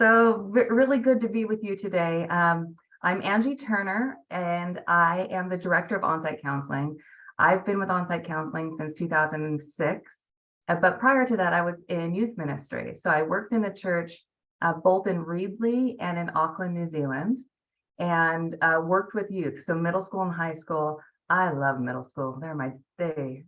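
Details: Adult woman speaking; normal speech.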